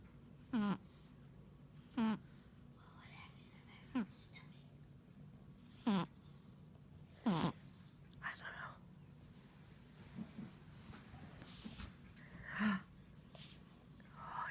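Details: Snoring: short snorting snores about every two seconds, some with a fluttering buzz, over a quiet room hum.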